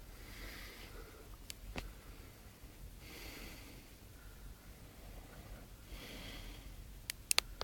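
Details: Slow, breathy snoring, one rasping breath about every three seconds (roughly 20 a minute), in a quiet room with a few clicks at the end.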